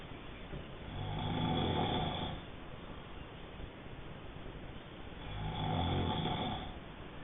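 Two slow, low, rattling snores on inhalation about four seconds apart, roughly 14 breaths a minute, over steady background hiss.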